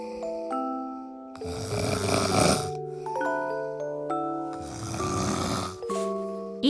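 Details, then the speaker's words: Husband's loud snoring during sleep: two loud, rattling inhaled snores in quick succession, with gentle chiming music over them. "いつもおなじみのいびきでしたおやすみなさい"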